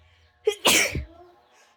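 A brief in-breath followed by one sharp, hissing sneeze burst in a quiet room.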